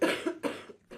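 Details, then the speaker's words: Whooping cough (pertussis): three quick, harsh coughs in close succession, the start of an uncontrollable coughing fit, which can lead to vomiting, difficulty breathing and rarely broken ribs. "Hooping cough can include uncontrollable coughing, fits. can lead to vomiting, difficulty breathing and in rare cases broken ribs."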